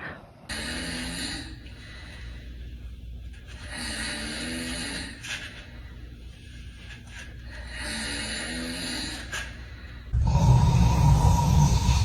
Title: Funny snoring #funnyvideo #reaction #fyp #viral #funny